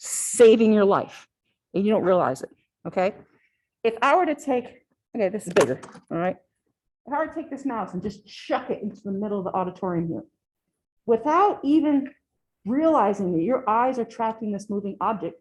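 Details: Adult woman lecturing; normal speech.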